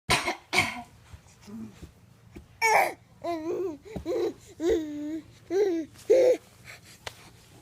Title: Fake coughing